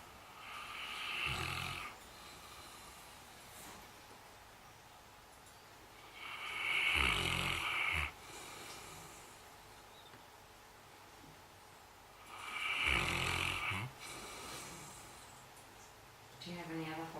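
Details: Female Saint Bernard dog asleep in the kitchen: three slow, rough snoring breaths about six seconds apart, roughly 10 a minute, each followed by a softer exhale; dog snoring.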